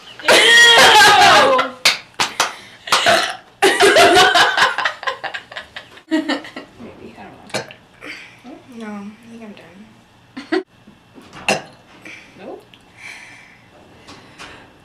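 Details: Young woman burping after drinking cola: one long, loud, rumbling burp followed by several shorter belches, then laughter and talking.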